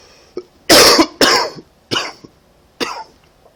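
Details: Four harsh, somewhat loose coughs from an adult with a common cold.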